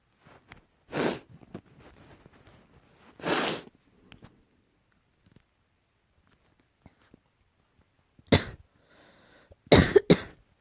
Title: slight cough